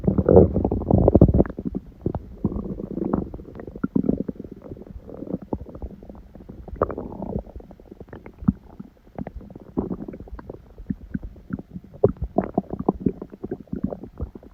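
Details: Recorded at 1:30 a.m. after waking, six hours after overeating udon; owner suspects stomach reacting to gluten: ongoing irregular gurgles, rumbles and squeaky bubbling; stomach growling (borborygmi).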